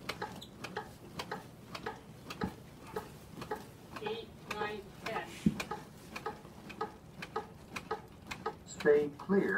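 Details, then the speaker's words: Steady metronome ticking set at about 110 per minute (range 100–120) over faint room noise, pacing fire department chest compressions on a training manikin with AED pads applied; CPR metronome during chest compressions. "we have a metronome that's a beat of 100 to 120 hours is set at about 110 and started to apply the pads continued our CPR without disruption"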